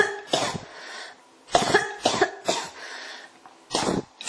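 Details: Five short, sharp, dry-sounding coughs in a row, each followed by a brief pause, in a quiet room: a cough that won't stop.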